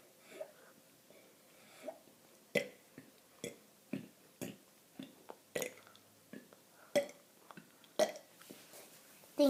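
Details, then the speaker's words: A 7-year-old girl gives about a dozen short, separate burps at irregular intervals in a quiet room; repeated belching. "hi my name is and I am going to burp more than 20 times"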